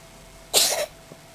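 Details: Cat sneezing repeatedly after looking out a window on a sunny March day, owner half-jokingly suspects hay fever: a single short, hissing sneeze burst, then a faint click; sneeze.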